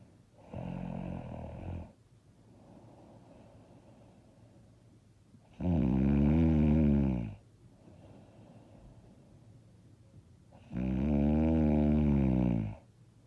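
Loud rattling snores on each in-breath, about 11 breaths a minute, with quieter breathing out between them.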